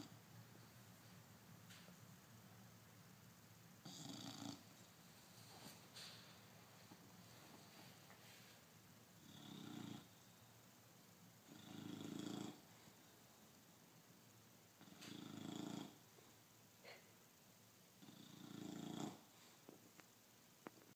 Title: sleeping and snoring